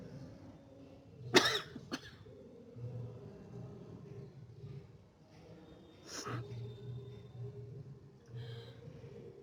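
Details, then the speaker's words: Woman coughing while attempting a sneezing challenge; she says the coughing is increasing: a short, dry double cough, then a single cough, over quiet room noise. "कि मैं बहुत कोशिश करें कि मुझे खांसी आए सॉरी ठीक है ठीक है यह पूछेगा कमी आई है और खांसी ज्यादा आ रही है"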